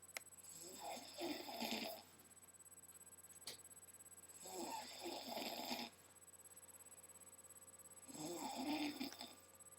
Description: little kid snoring up a storm.